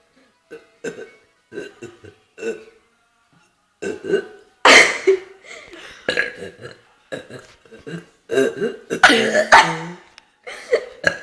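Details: A girl unable to stop burping: a rapid run of repeated short belches, growing louder, in a quiet room.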